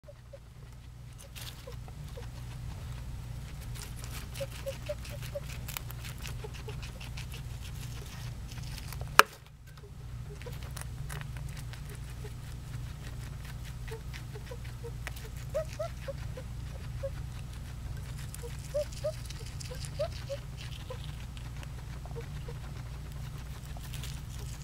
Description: Puzzle piggie wheezing during breakfast.